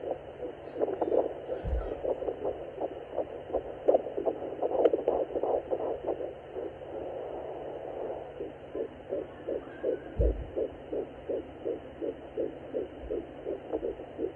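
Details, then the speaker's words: Home fetal Doppler at 10 weeks of pregnancy, after earlier failed attempts: fast, regular galloping pulses through static at about 165 beats a minute, fetal heartbeat. "oh lord thank you i'm able to hear my baby heartbeat today"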